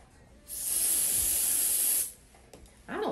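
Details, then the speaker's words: A steady hiss of about one and a half seconds, then quiet room noise: cold spray applied to numb the foot before removing two cutaneous horns, thick protruding lesions present over 2 years, to be sent to the lab. "all right everybody ready here comes the cold spray nice and still for me"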